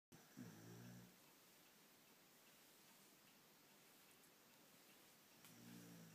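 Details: Sleeping beagle dog: low, rumbling snore on an in-breath at the start and again at the end, with a quiet stretch of room noise between; snoring.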